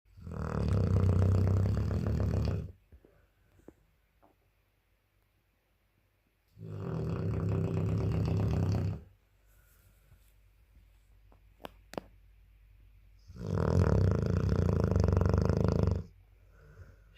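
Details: A sleeping Dogue de Bordeaux (French Mastiff) dog gives three loud, deep, rattling snores about every 6 to 7 seconds, near 9 breaths a minute, with quiet pauses between them: snoring.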